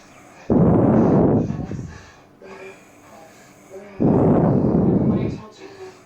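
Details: Heavy snoring: two loud, rough, rattling breaths about three seconds apart, with quieter sounds between.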